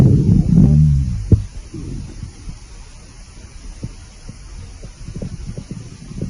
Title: hungry stomach growling